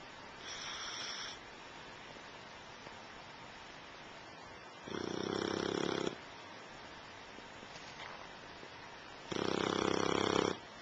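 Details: Loud snoring during sleep: three rough, rattling breaths over about eleven seconds, the last two louder, with quiet gaps between.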